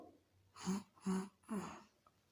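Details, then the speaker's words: Imitated clearing of nasal mucus drawn back into the throat: three short, throaty hawking bursts to expel the postnasal phlegm. "तो पेशेंट उसको पहले अंदर की तरफ को खींचेगा। जब वो बलगम जो है आप मरीज के बिल्कुल गले में डिपिंग नीचे की तरफ को जब आ जाता है, तो वहाँ से वो बलगम खांसी से या लोकल लैंग्वेज में खकारने से उसको बाहर निकाल देगा इस तरीके से।"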